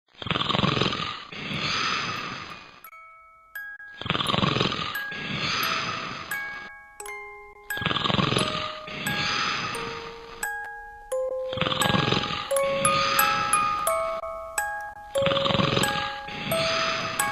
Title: Black Warner - Dot is Sleeping and Snoring